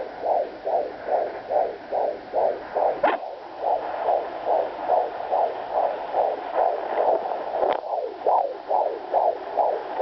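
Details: Home rented fetal Doppler used after a couple of days of too few kicks: rapid, regular whooshing pulses at about 143 beats a minute, heard loud and clear; a fetal heartbeat.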